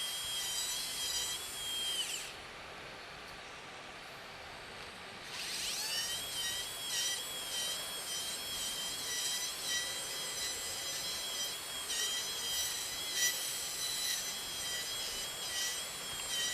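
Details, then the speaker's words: High-pitched surgical drill whine that runs, pauses, then runs again with fluctuating pitch, removing bone during a cadaver Draf III frontal sinus demonstration, widening the frontal sinus laterally from the nasofrontal beak. "Lally you can drill till you reach the skin give Sal wash wash"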